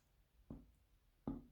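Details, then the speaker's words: Adult with diagnosed temporomandibular joint disorder, slipping rib syndrome and suspected EDS: two soft, dull jaw-joint clicks; clicking is sometimes painful, sometimes not. "don't know if you can hear that but my jaw clicks um sometimes it's painful sometimes it's not"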